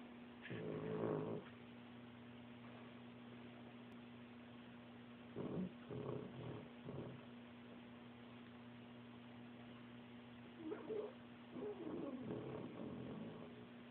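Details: Sleeping pet snoring: soft, irregular snuffling snores over a steady background hum.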